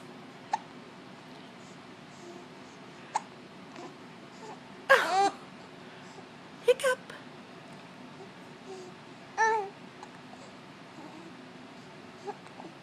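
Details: Baby with hiccups: brief sharp hiccup clicks recurring between soft babbling and coos in a quiet room; infant hiccups.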